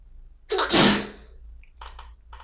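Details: Induced sneeze: one loud, explosive sneeze with a sharp hissing burst, then brief quiet breathing sounds in a small room.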